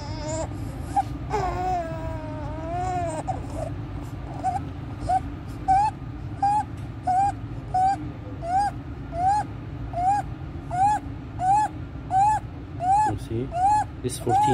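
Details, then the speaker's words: Full-term baby, a few days old, with inspiratory stridor: high-pitched, squeaky crowing on each fast breath in, with suprasternal and intercostal retractions, severe chest indrawing and desaturation, worse with crying and feeding. "days old full-term baby admitted to the eponymous Federation in the McCallum resort just maybe having inspiratory stridor"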